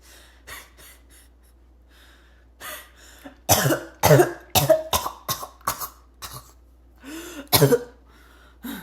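A run of harsh, forceful coughs with gasping and choking between them, a barking cough.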